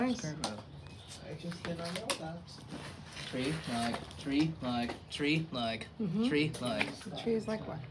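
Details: Perseveration (repetitive speech) tagged as an autistic characteristic: repetitive talk about trees while distracted by his surroundings at a birthday party.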